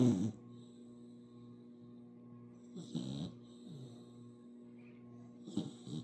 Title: Puppy Snores 💤 #puppyvideos #puppylife #puppydog #dogshorts #dog #dogs #puppy #puppyshorts #doglife